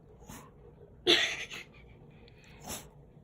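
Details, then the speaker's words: Dog with sniffles and a stuffy nose that the owner thinks is sick: one sharp sneeze between a few snuffly breaths; sneeze. "Oh Lexi what you do you have the sniffles you have the sniffles left hold on wait if you cuz she sneezes pretty awesome see right there then she goes like to get it back"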